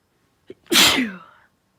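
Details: Induced sneezing after a cold: single forceful sneeze, brief catch of breath then loud explosive burst fading quickly.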